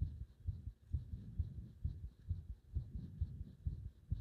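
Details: Heart sounds described as a heart nearly stopping under compression: regular low sounds at about 130 beats a minute, with no slowing toward arrest heard in this stretch.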